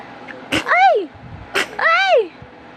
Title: sneezing with tita